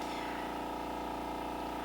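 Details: Dermaglow II professional microdermabrasion machine at lowest intensity (2.9), before treatment with large-opening tip; steady low motor hum with faint rushing air from the vacuum pump.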